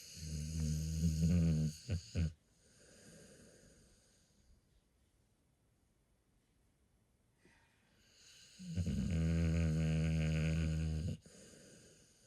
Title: Dog snoring 😴 snoring sounds